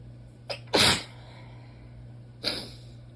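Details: Allergic sneezing fit, sneezing mostly into the elbow and some into the hand: a quick in-breath, then a forceful sneeze and a second sneeze moments later.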